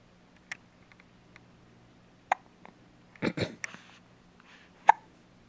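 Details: Infant with hiccups, appearing surprised: several sharp, brief hiccup sounds at irregular intervals in a quiet room, with soft fussing between; hiccups.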